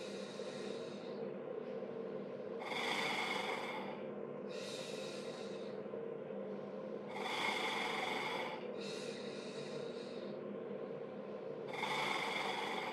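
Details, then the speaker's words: Acapella oscillating PEP device used for cystic fibrosis airway clearance, with forceful but not maximal exhalations in sets of 15 felt as vibration over the lung fields: repeated fluttering, buzzing blows with pauses between. "Exhale out forceful enough that you can feel good vibrations throughout their lungs Fields if you do not feel that I have them glow harder"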